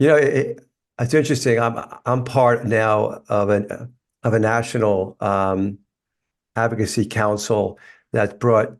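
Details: Adult man with lifelong stuttering, which he describes as a neurological condition that worsens when he is tired; stuttering.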